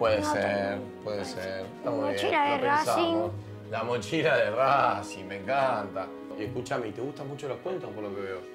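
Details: Adult speaker; ordinary speech.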